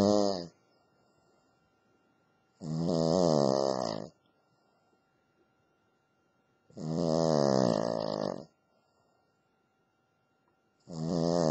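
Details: Female Cavalier King Charles Spaniel dog asleep: regular buzzing snores about every four seconds, roughly 15 breaths a minute, with silence between: steady snoring.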